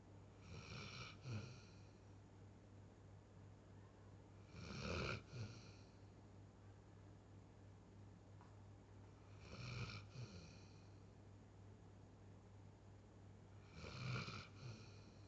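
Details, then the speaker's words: Chocolate Labrador dog snoring: four low, rattling snores, one every four to five seconds, about 13 breaths a minute, with a steady hum in the background. "JD, নাক ডাকছিস কেন? এই নাক ডাকিস না।"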